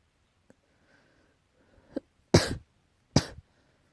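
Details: Cat coughing, tagged as allergy: two faint catches, then two sharp, harsh coughs in a short burst.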